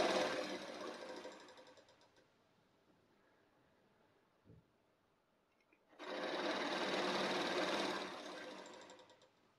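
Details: Two long huffs with a rapid fluttering buzz as the valve oscillates: exhalation through an Aerobika oscillating positive expiratory pressure device, demonstrated after breathing control and deep breaths, to loosen sputum.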